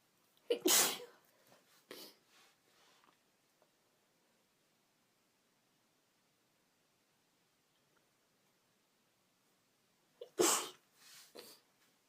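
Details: Female with a cold: two sneezes about ten seconds apart, each a sharp burst with a softer follow-through, with faint sniffling; sneezing.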